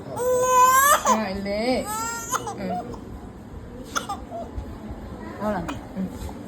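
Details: 1-month-old baby at first vaccination: loud, high-pitched crying in bursts with sobbing breaths, then quieter whimpers.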